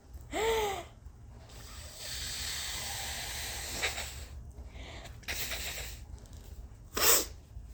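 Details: Person with several days of allergies, congestion, irritated sore nose and throat, and heavy coughing: high-pitched gasping build-up and hissing breaths, then an explosive, forceful sneeze.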